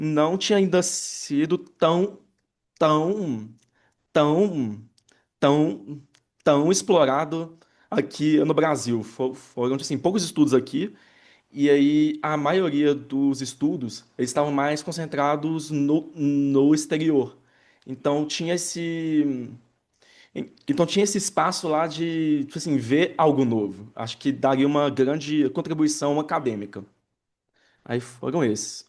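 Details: Adult man who stutters and has had speech therapy and psychotherapy since childhood, speaking with word and phrase repetitions; stuttering.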